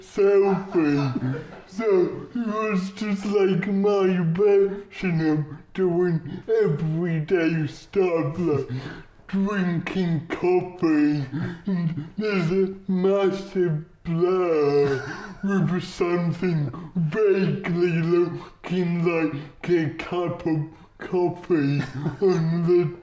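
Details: Adult man, comedian with cerebral palsy, real patient; dysarthria due to cerebral palsy.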